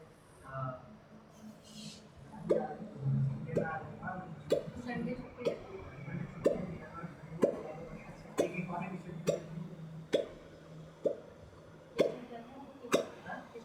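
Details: Sharp, abrupt catches roughly once a second, about a dozen in a row, over faint voices, from an elderly patient at a chiropractic clinic treated for L4-L5 retrolisthesis; hiccups.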